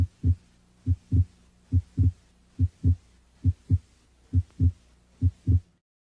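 Regular paired low thumps at about 69 beats a minute, normal first and second heart sounds through a stethoscope.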